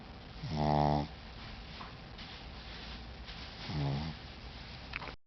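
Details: Two pitched, buzzing snores about three seconds apart from a small male pet asleep and tired out, over faint room hiss; ordinary snoring in sleep.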